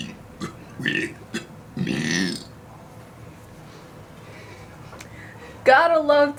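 Several loud, drawn-out burps, one long and rumbling, then a brief voiced sound; ordinary belching.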